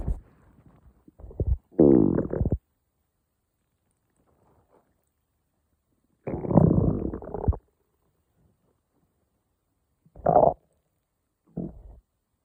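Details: Morning stomach growling: low gurgling rumbles in several separate bursts with long silences between.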